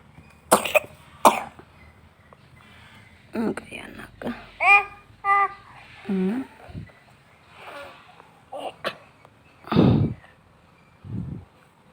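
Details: Child coughing with a cold (cough and runny nose); several short coughs mixed with brief vocal sounds and throat clearing.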